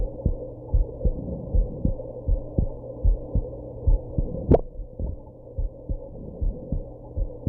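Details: Heartbeat after drinking alcohol and smoking: steady thumps at about 75 a minute, interrupted once by a sharp sudden jolt; a heartbeat with a hiccup.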